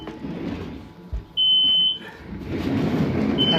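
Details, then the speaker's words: NxStage home hemodialysis machine, set up for nocturnal dialysis, alarms after being unplugged and plugged back in: steady high-pitched electronic beeps over room noise, signalling a power failure. "So it's yelling at me saying that was a power failure. That wasn't cuz I unplugged it."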